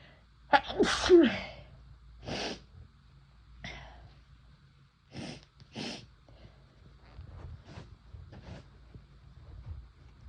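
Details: First-time use of chhinkni sneezing powder: a loud induced sneeze followed by several smaller sneezes in quick succession.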